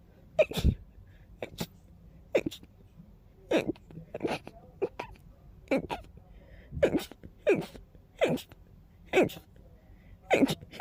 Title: Fast Teasing Sneezes